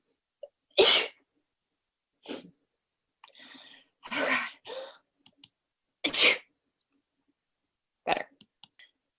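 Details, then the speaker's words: A run of about six loud, explosive sneezes with brief inhales between them, in a quiet room; repeated sneezing. "Okay, hopefully I stop sneezing. I'm going to blow my nose. I'm sorry, guys."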